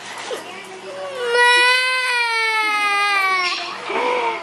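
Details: Toddler with cerebral palsy crying when the family's pet dog is scolded ("no"): one long, tonal wailing cry, with softer whimpering before and after.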